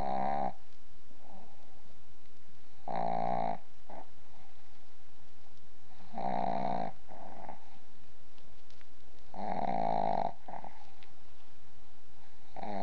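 Loud, rattling snores on each breath, about every three seconds, with a shorter snort after each. Heavy snoring typical of a flat-faced dog.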